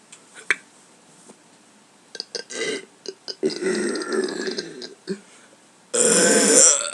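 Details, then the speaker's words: Person burping voluntarily on camera after saying he just ate beans: several short throaty belches, then a longer drawn-out one ending in a loud harsh noise, in a quiet room. "gave us another burp Oh some of us still in my tummy that's awkward air that was gross kind of actually I'll do a good one I can't get anymore"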